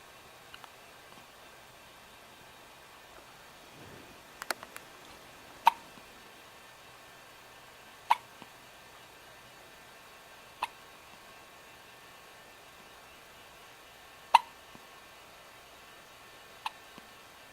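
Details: Hiccups: sharp, brief clicks recurring every two to three seconds, about six in all, over faint room noise.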